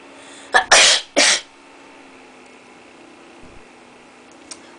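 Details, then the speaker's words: Deliberately triggered sneezing after tickling inside the nose with a rolled, twisted paper towel: three quick sneezes, a short lead-in burst and two forceful ones, then quiet. "you stick it up tickle your nose so like oh yeah you'll sneeze"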